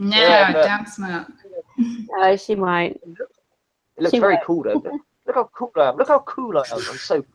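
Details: Adult speaker; normal speech.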